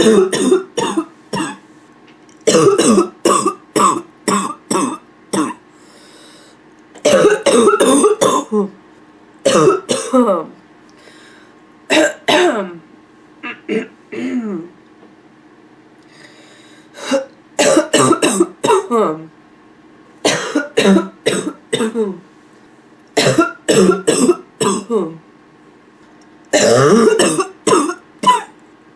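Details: Repeated bouts of harsh, hoarse, barking coughs from an adult, with short quiet gaps between bouts.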